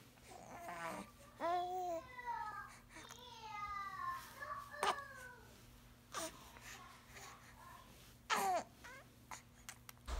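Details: Infant sneezing: fussing and babbling broken by two brief, sharp sneeze bursts.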